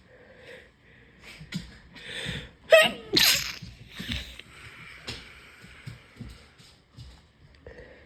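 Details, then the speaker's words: Sick, congested adult inducing sneezes to clear sinuses: two quick forceful sneezes with sharp intake and wet nasal burst, amid sniffing; sneezing with nasal congestion. "Thank God. I can breathe again. I'm trying my clock nostril sneeze."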